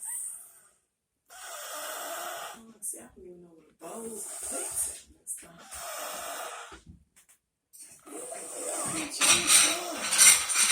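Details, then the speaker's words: Young child asleep stacked on another child in a chair, loud snoring: harsh, hissing and snorting breath noises repeating with short pauses. "world this is the loudest snoring child you will ever meet in your life this is miss zion"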